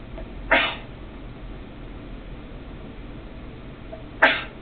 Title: some sneezing!